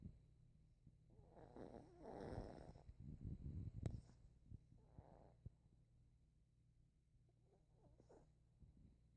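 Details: Soft, snuffling snores from a sleeping pet dog, coming every few seconds in a quiet room; harmless sleep snoring.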